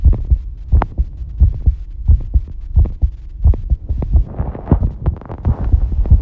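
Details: Regular low heart thumps at roughly 88 beats per minute, heart sounds recorded while bathing, with water splashing near the end; heart rate shown is only an approximate guide; normal heart sounds.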